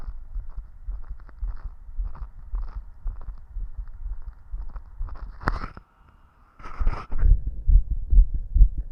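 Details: Stethoscope auscultation of the person's own heart at different chest spots, a heartbeat described as always fast and visible: quick, regular low thumps near 130 beats a minute with a brief gap, tachycardia (fast heartbeat).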